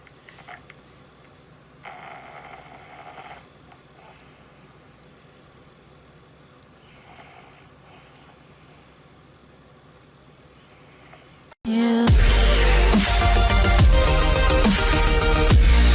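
Quiet, rough breathing noises in a small room, then loud music cuts in abruptly; snoring.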